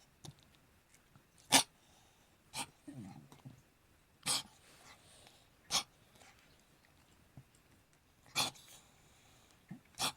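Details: Cough from a cat.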